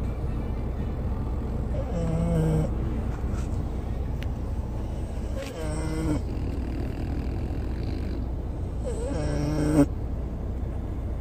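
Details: Recurring whistling, snorting snores every three to four seconds over steady road rumble from a French Bulldog sleeping while travelling by car: dog snoring.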